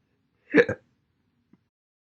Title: 5/9/21, Slow and Fast Hiccups